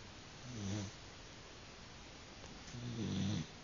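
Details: Male dog, a loud snorer at night in bed: two low, rattling snores separated by a quiet pause during sleep.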